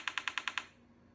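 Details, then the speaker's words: Transcranial magnetic stimulation (TMS) therapy session, patient halfway through a 6-week course after 15 sessions for severe illness: rapid train of six sharp, loud clicks, then quiet, as the magnetic pulses are delivered. "and then you see at the second five point five to nine point five is the stimulus nuts when they're shocking me you're not shocking me that's when they're giving me impulses"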